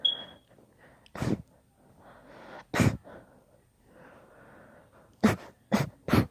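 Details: Long induced sneezing fit: a run of five sharp, explosive sneezes, some with quick breaths drawn in between.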